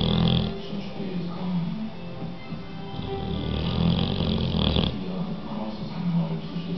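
Loud, rough, rattling snoring from a bulldog, with music playing in the background.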